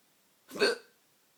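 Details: Late-night hiccups: a single abrupt, short vocal gulp out of near silence; a hiccup.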